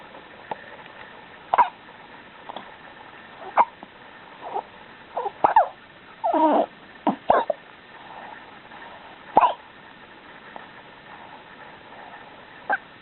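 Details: Female named subject with hiccups: sharp, regular hiccup clicks about every two seconds, roughly 30 a minute, with soft squeaky sounds between.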